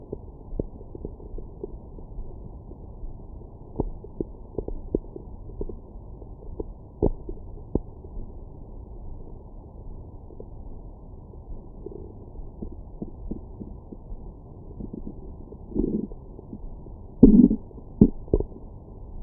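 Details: Stomach growling after breakfast: low muffled rumbling with scattered clicks and a few louder gurgles near the end; ordinary post-meal borborygmi.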